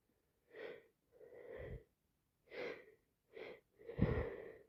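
A run of five short, voiced sneeze-like bursts with brief pauses between them, repeated sneezing with a cold.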